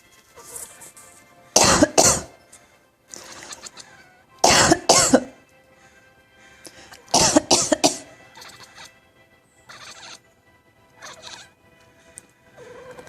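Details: A cat gives three bouts of two or three sharp, harsh coughs with quieter huffs between, over soft background music; it is unclear whether the cat is coughing or "laughing".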